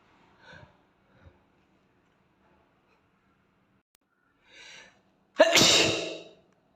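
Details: Sneezing in a young Asian boy; a few quick indrawn breaths, then one loud explosive sneeze that trails off.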